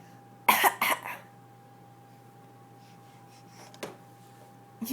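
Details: Baby girl giving two or three short, breathy cough bursts on request, a deliberate voluntary (fake) play cough for attention, not illness.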